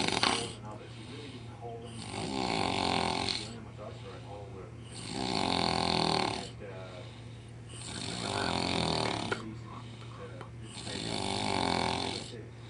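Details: A friend snores like a pig after a night of drinking in Las Vegas: four loud, rattling inspiratory snores about 3 seconds apart with quieter breaths between, possibly an imitation; snoring.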